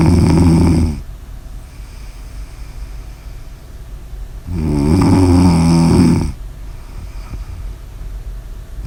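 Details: Snoring: two long, loud, low, rattling snores on the in-breath with quiet breathing between.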